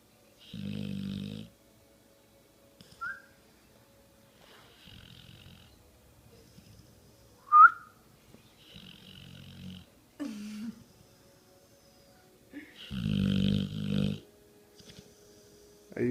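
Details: Dog snoring while awake: low, rattling snore-like breaths about every four seconds with a few faint squeaks between; stertor.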